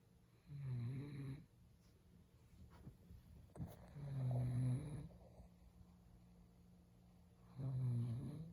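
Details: Person who habitually snores: deep, buzzing snores about every 3–4 seconds, roughly 17 per minute, in a quiet room. Ordinary snoring.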